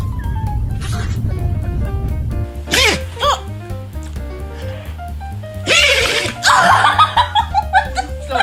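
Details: Dog sneezing: short, sharp, noisy bursts partly masked by loud background music.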